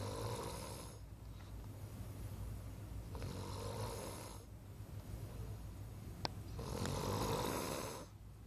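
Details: Person asleep at night: low rumbling snores on each breath in, about every two to three seconds with quiet gaps, in a small room; ordinary snoring.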